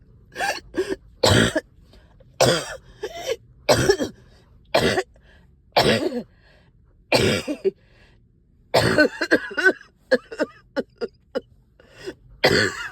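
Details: Wet productive cough, up all night with heavy chest, headache and stubborn sticky phlegm: about fifteen harsh coughs in bursts and short runs, with throat clearing.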